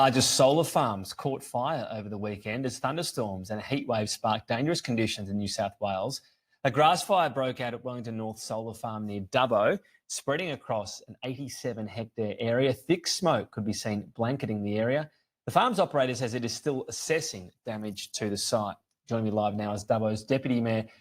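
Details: Adult male news presenter; normal voice.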